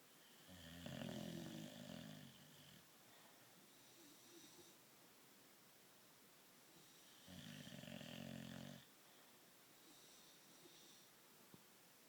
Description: English bulldog snoring